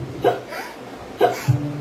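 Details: Baby hiccups: two brief, abrupt voiced hiccups about a second apart, with a soft voice afterward.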